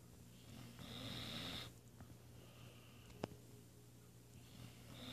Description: Our crazy and silly weimaraner Remi, snoring while taking a nap from a morning workout.